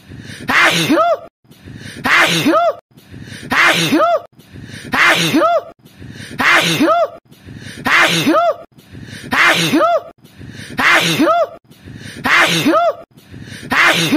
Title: sneeze 1 hour